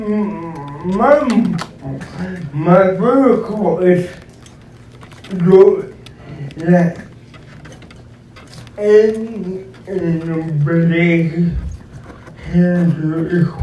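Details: Adult man described as physically challenged with a speech impediment, a wheelchair user needing a personal care assistant: dysarthric speech.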